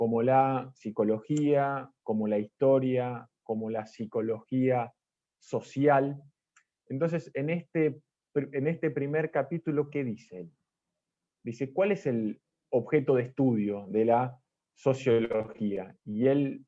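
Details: Stuttering in an Argentine man, first-time participant in a stuttering presentation-practice group, giving a deliberately unprepared talk because he is having problems with his spontaneous speech.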